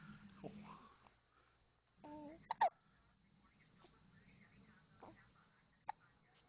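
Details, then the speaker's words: Little girl with a bad case of hiccups: two or three brief, sharp, involuntary catches of breath among soft voice sounds. "Poor thing. She's like, I will fight you, hiccups. I will fight you to the death."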